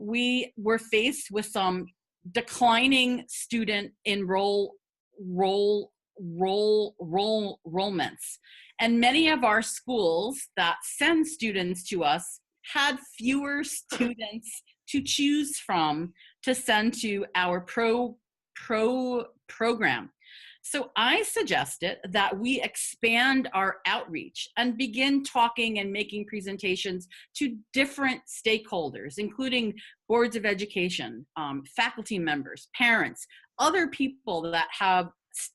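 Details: Adult woman who has stuttered for 50 years, a person who stutters speaking in a webinar; stuttering.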